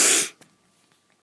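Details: Person feeling run down and icky, with bits of coughing: one brief, sharp, high-pitched hissing burst ending abruptly, then quiet; a single high-pitched sneeze.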